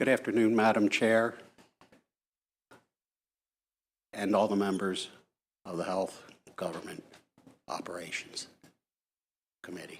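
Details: Adult man with Parkinson's disease, who says he is speaking as loudly as he can; hypokinetic dysarthria (Parkinsonian speech).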